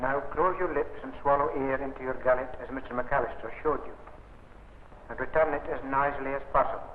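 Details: Adult male speaker; normal speech.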